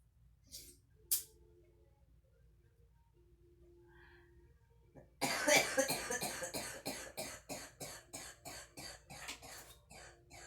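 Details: Girl smoking and coughing: after a quiet start with two brief sounds, a rapid unbroken run of about fifteen harsh, dry coughs, a coughing fit.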